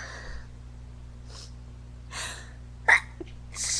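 Quiet breathy intakes build to a sharp explosive burst, then another starts: a sneezing fit.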